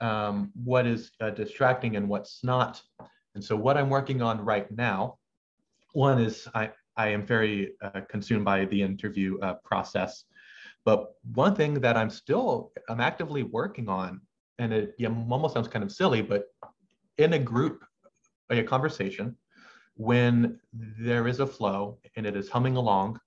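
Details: Adult male final-year medical student who has stuttered since age six, with stammer blocks and pauses he cannot control; stuttering.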